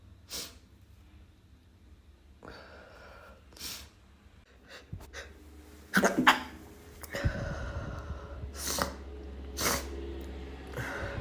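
Several short, muffled bursts with held breaths between, in a quiet room: stifled sneezes held back to stay quiet.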